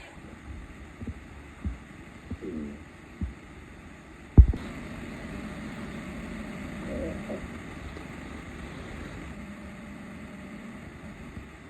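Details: Empty stomach after 4 days without food: low rumbling with brief pitched gurgles and a sharp knock, then a steady low rumble, stomach growling (borborygmi).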